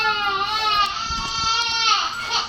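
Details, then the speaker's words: A baby cries steadily in a sustained wail, heard from nearby in a small room at home: a normal infant cry. "Vous entendez le bébé qui pleure, mais je pense que papa est avec."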